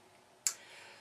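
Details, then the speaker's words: Mechanical aortic valve in a 52-year-old man with heart failure, awaiting second aortic valve replacement: a single sharp, crisp closing click audible in a quiet room; mechanical heart valve click. "is the sound of the metallic valve slamming shut in effect so what I get is I get look click look click click and it's so loud on me in particular"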